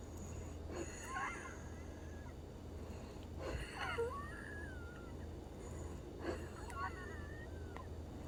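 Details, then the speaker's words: Wheezing episode, second that day, in a female patient on inhaled Brovana and Pulmicort, previously theophylline: repeated breaths with a high, wavering whistle, about 21 breaths a minute. "that's the second time she's squeezing yeah she we like at the post office yeah it's like her lung is having a problem"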